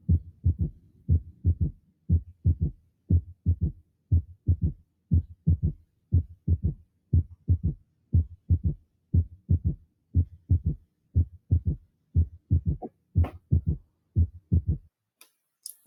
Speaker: y el cuarto ruido está al final de la diástole está miren o presistólico